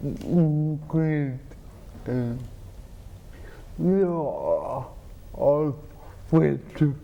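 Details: Adult man with cerebral palsy and dysarthria, who has a pump that injects medicine into his spine to reduce spasticity; dysarthria (cerebral palsy).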